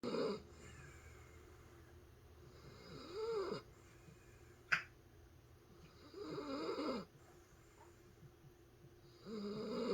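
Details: Senior dachshund asleep with eyes open gives rhythmic, rattling snores, four bursts at roughly 19 a minute with quiet breathing between and a brief click: snoring.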